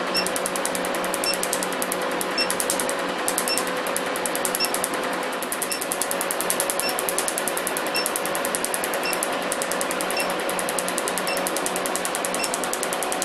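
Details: Laser removal of a professional tattoo: steady rapid snapping clicks of laser pulses over a constant machine hum.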